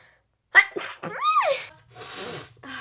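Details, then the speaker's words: Woman with a self-described serious sneezing issue gives a single sharp sneeze with a sudden burst of air and voiced exclamation, then a breathy exhale. "I'm going to sneeze I lost it the sneeze came I sneezed"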